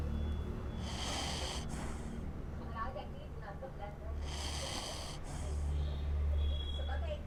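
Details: Pomeranian dog snoring in its sleep.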